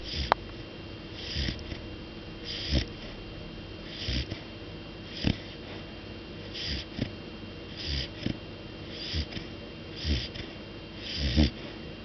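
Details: Cat snoring while asleep, loud enough to wake the owner: soft, irregular snuffling snores with short hissy breaths, roughly 45 a minute, in a quiet room.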